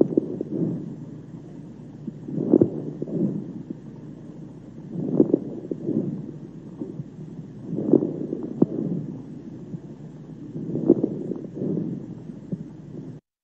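About four breaths, roughly 18 a minute, each carrying low, bubbling popping crackles; coarse crackles, a strongly suggestive sign of pneumonia.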